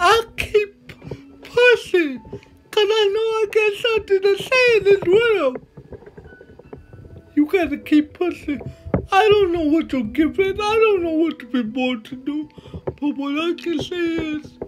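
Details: Dysarthria from cerebral palsy in a male motivational speaker.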